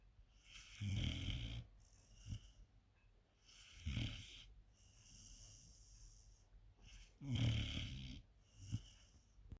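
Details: 4-month-old sleeping puppy with three loud, rough snores about three seconds apart and soft whistling between them; snoring.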